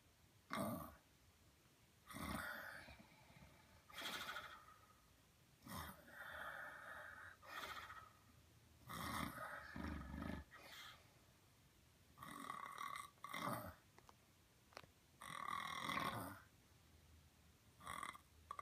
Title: 5/20/17: snoring 3 days after surgery